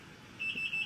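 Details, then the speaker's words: Arm IV in a woman during her third C-section birth at 37 weeks; the pump beeps when she bends her arm, though fluids keep flowing: steady high-pitched electronic beeping of an infusion pump alarm with faint room noise. "it's in my arm which is why you hear beeping because if I bend my arm too much it starts to be like I guess to inform the nurse that it might have stopped but it didn't the liquids are still flowing so it's fine"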